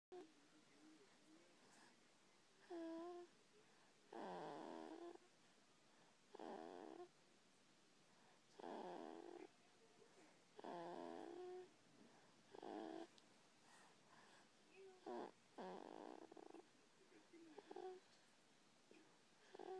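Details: Snoring in a sleeping 13-week-old infant: soft, irregular snoring sounds with each breath, about 28 a minute, in a quiet room.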